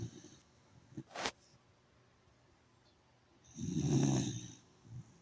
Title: #dog damn she snores like a grown ass person #dogfunny